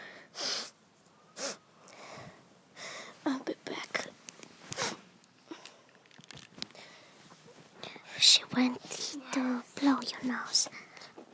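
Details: Several sharp sneeze bursts among whispered and spoken talk from two sisters who say they are sick; repeated sneezing.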